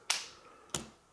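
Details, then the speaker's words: Two sharp snapping clicks of a spring-loaded lancing device set and fired into the side of the middle finger for a morning blood glucose test by a pre-diabetic adult; reading 106. "right so i poked it squeeze some blood out not terrifying"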